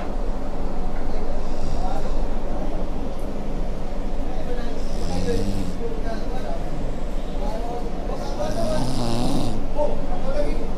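Loud, continuous rough snoring with rumbling, rattling breaths through the airway during sleep.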